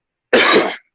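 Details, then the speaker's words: Adult man who says he is unwell, with a lingering cough since refereeing on Sunday: a single harsh, noisy cough burst of about half a second. "Sorry about the cough, mate. I'm not well. Yeah, I can hear it in your voice as well. You got a bit of a man flu. Yeah, it's just this cough."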